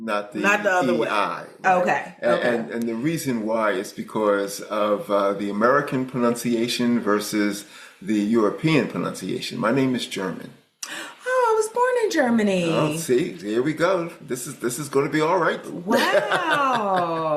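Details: Adult man speaking; normal speech.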